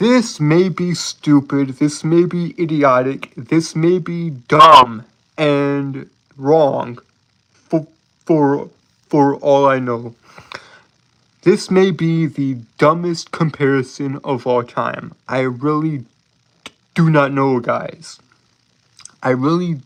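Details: Self-reported speech impediment in a male streamer, with stuttering-like speech disfluency; finding: speech disfluency (stuttering-like).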